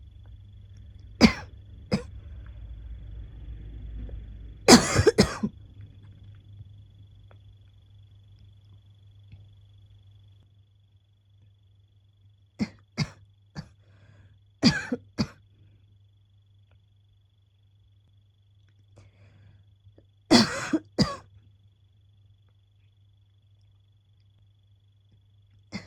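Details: Adult with asthma woken from sleep by a coughing fit: repeated short coughing bursts in pairs and clusters, an asthmatic cough.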